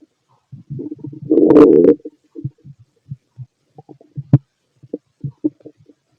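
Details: Fit male's abdomen heard through a stethoscope while digesting pastry, chicken, curry, bread, milk, eggs and pasta: a loud gurgling growl, then scattered short clicks and gurgles; ordinary active bowel sounds.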